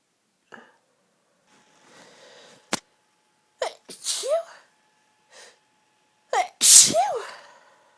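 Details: Woman sneezing repeatedly, lying in bed surrounded by tissues: two sneezes, each with an inward breath before a sharp burst, plus sniffs and small gasps in a quiet room.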